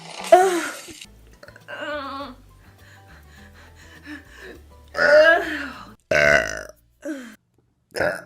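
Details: Adult repeated burping: several loud, drawn-out voiced belches with quieter sounds and music between them.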